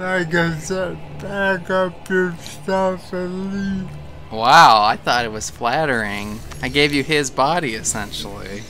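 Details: Adult male speaker, possibly with game audio; Conversational speech.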